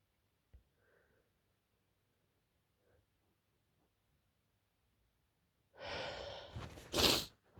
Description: This fit came out of nowhere and I managed to catch it